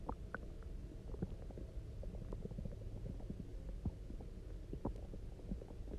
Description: my stomach was already rumbling after having eaten basically nothing for 24 hours, so i chugged a bunch of water and laid on my side and that really got things moving!!! these ones are so resonant and gurgly, my poor tummy was screaming for something to eat!